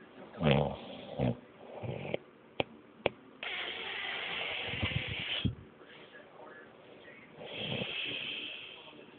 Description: My girlfriend recorded me snoring one night. You can't see anything but the audio is great!